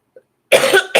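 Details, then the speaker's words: An adult woman gives a short, dry cough of two quick bursts from a throat tickle that comes on when she starts talking. "know you can hear that this coughing that goes on in my throat just right crazy me and of course it happens when I start talking right"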